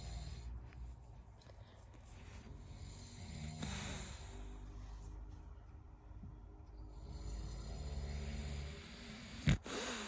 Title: Bulldog snoring #sleepybulldog #princesspeachbulldog sleeping in like it’s Sunday